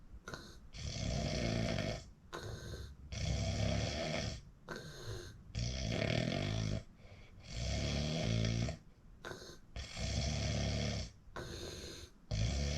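Loud, rough, rattling snores come in quick, uneven bursts with brief pauses between them. This is heavy snoring during sleep.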